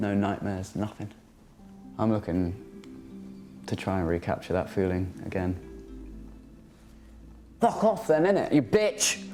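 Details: Coprolalia (Tourette vocal tic) in a 21-year-old man with severe Tourette syndrome whose involuntary vocal tics, including swearing, are triggered by stress and anxiety; an involuntary swear word occurs during a greeting.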